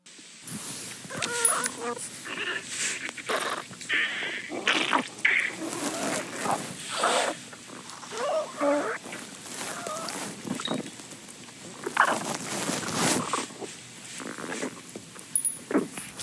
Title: Why does my stomach growl?